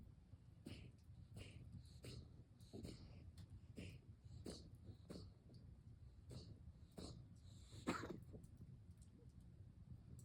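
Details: Dog (GK) giving a run of short, harsh, rhythmic cough bursts, about one every second, over low room rumble; cough in a dog.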